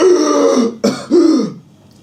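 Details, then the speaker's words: Adult imitating the whooping cough (pertussis) whoop that ends long severe coughing fits of one to two minutes: short, harsh, voiced, throaty noises with a brief catch between them. "uh the person or someone else uh experiences long severe coughs that last for one to two minutes and at the end of those costs and ends up you end up hearing a whooping sound"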